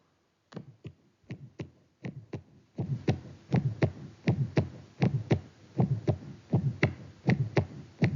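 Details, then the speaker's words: Still's innocent murmur: regular heartbeat ~80/min with a soft, short, non-radiating early systolic ejection murmur, grade 1–2/6, vibratory or musical quality, at the left lower sternal border. "It is non-radiating early systolic ejection murmur low intensity between 1 to two over six shorter duration located at the left lower sternal border vibratory or musical quality."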